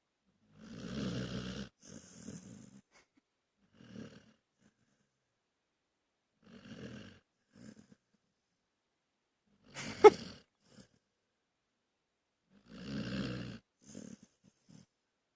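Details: Dog napping: irregular snorting, rattling breath sounds with quiet pauses and one sharp snort near the middle; snoring.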